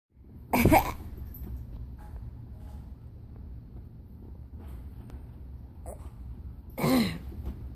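Two separate short coughs, several seconds apart, over steady low room noise.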